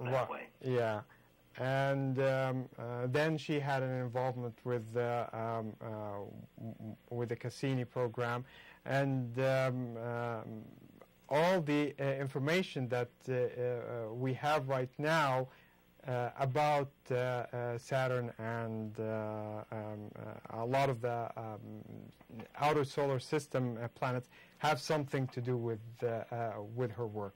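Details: Adult male speaker; Normal speech.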